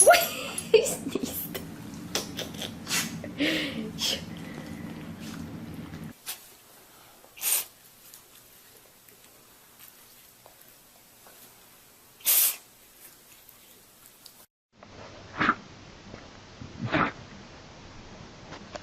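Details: Sneezing from various animals in a compilation: several short, sharp sneezes spread across separate recordings, with a low hum and light noise in the first part.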